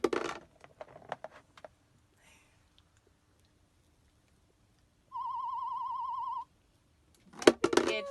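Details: A warbling test tone of about one second from an audiometer, between quiet voices and room sounds, during a hospital hearing test of a child with Kabuki syndrome who wears hearing aids.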